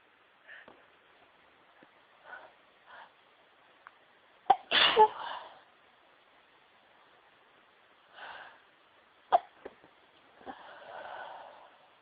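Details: Sneezing near the end of a cold: soft breathy build-ups, then a few sharp bursts of air, mostly small and stifled. Repeated sneezing.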